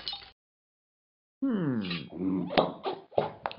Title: Burping